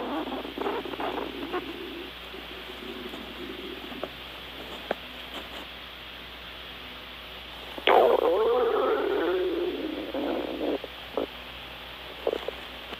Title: stomach growl when fever ache rumbling sound extreme diarrhea